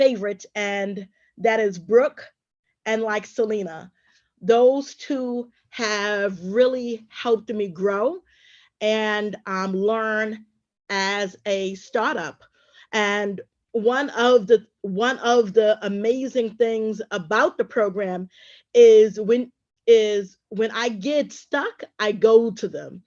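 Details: Adult woman who says she is a stutterer and a traumatic brain injury survivor; stuttering.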